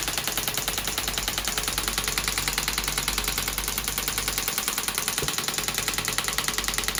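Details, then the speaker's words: Third session of shockwave therapy for heel pain in a woman with pain on prolonged standing, before class 4 laser treatment: rapid steady clicking pulses about 200 a minute with a loud hiss. "we started the shockwave treatment with class 4 laser treatment"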